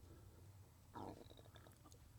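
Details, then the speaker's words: Brief low gurgling rumble fading into softer bubbling from an adult man's stomach during a podcast, which he describes as stomach growling or fluids shifting, not a burp; stomach growling (borborygmi). "that was like like a stomach growling in me or adjusting some fluids in my stomach to make that sound that was very interesting very interesting"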